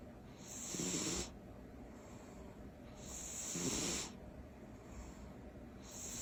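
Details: Sleeping cat snoring loudly: rhythmic, raspy sound on each breath, about 22 breaths a minute.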